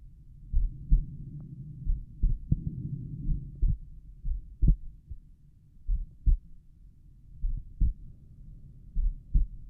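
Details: Soft, low, regular thumps at a slow resting rate of roughly 45 to 50 beats a minute, auscultated over the tricuspid area at rest; normal heart sounds, slow rate.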